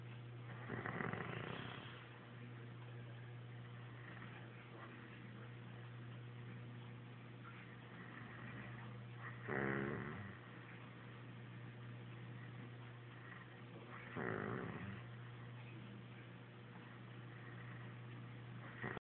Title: He swears he does not snore!!! I have proof!